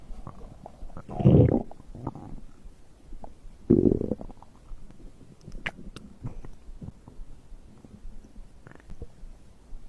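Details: Two low gurgling rumbles then softer scattered gurgles; stomach growling, ordinary digestive bowel sounds recorded after drinking a beverage.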